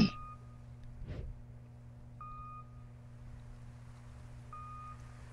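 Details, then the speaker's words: Dramatized scene: soft, evenly spaced electronic beeps from a bedside monitor over low room hum as blood pressure drops and vital signs fade; medical monitor beeping. "do that beep [ __ ] to me don't do that beeping [ __ ] to me"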